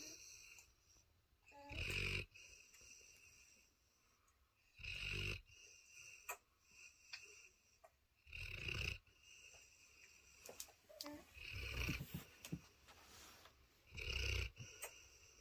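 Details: Loud, rough snores from a sleeping Cane Corso dog (tagged as a puppy), recurring irregularly about four or five times in fifteen seconds, with a quiet room between them: snoring.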